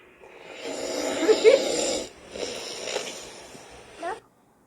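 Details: Sleeping adult snoring in loud, rough, rattling sounds, gradually getting louder; ordinary snoring from throat vibration.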